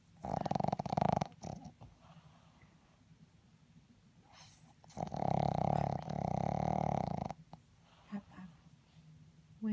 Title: My dog snoring! My mom woke her up...